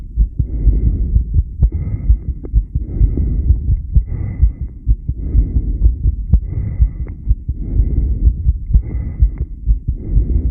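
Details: Own heartbeat recorded during a long breath-hold (10 lead); person asks whether the heart reacts normally.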